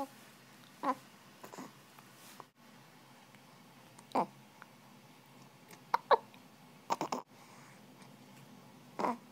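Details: Short, sharp, isolated gulping bursts every second or two against quiet room noise, recorded April 6, 2011; hiccups.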